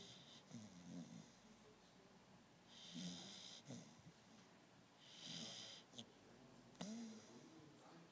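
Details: Beagle snoring while asleep: soft, low snores with hissing, whistly breaths, about three cycles, in a quiet room.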